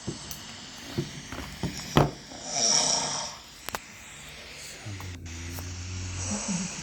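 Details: Sleeping adult who had snoring surgery: harsh, rasping breathing and a low droning snore, sounding like being choked, consistent with heavy snoring.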